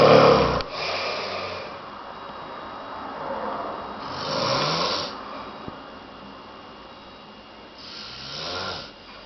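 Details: Man sleeping and snoring in a quiet room: rough, rattling snores, one with each breath, roughly every four seconds (about 15 breaths a minute).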